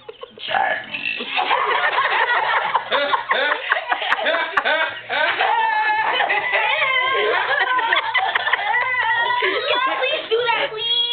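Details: Young girl's voluntary burping: a long, drawn-out voiced burp with shifting pitch, close to burp-talking (she can burp whole conversations), with laughter nearby.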